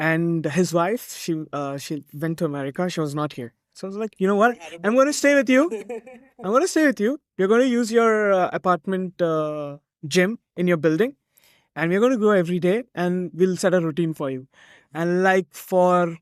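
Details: Adult man speaking; ordinary conversational speech.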